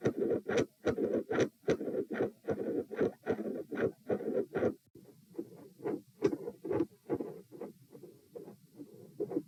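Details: Same subject lying supine, recorded at position P: regular heart sounds near 74 a minute with a soft whooshing murmur between beats; mostly mid-systolic murmur.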